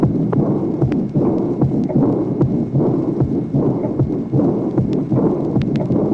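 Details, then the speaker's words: Tracing 21 from a 1966 heart auscultation teaching record: aortic regurgitation with a soft, blowing diastolic murmur that begins with a loud, drum-like (tambour) aortic second sound, regular rhythm about 76 a minute. "Tracé numéro 21, insuffisance aortique. Même souffle diastolique. Présence en plus d'un éclat en tambour du deuxième bruit aortique qui marque le début du souffle."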